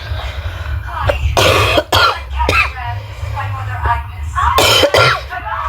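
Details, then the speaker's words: Painful cough from a flu-like illness present for several days, with the patient in bed all day: several harsh coughs and a throat clear with noisy breaths between. "hurts so much even when I cough. I've been in bed the whole day."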